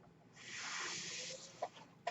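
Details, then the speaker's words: One mechanical ventilator breath cycle recorded during an adult man's podcast: a rising then fading hiss of delivered air lasting about a second, followed by two sharp valve clicks. "hello everyone my name is worried that noise you're hearing is my ventilator and welcome the page-turners they were not my stars podcast"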